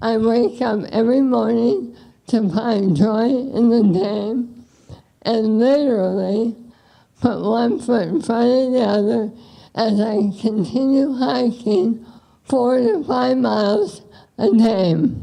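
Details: Adult woman with bulbar ALS affecting her speech and swallowing; dysarthria (bulbar ALS).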